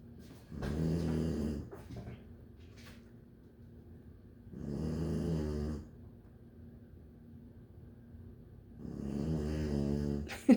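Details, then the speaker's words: Loud rattling snores, three in about ten seconds with quiet pauses between, from a small female sleeping so deeply she does not respond when called; ordinary snoring during sleep. "How can something so little snore so loud? She don't even hear me."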